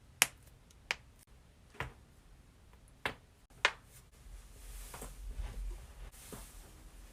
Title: cracking knuckles/neck/back compilation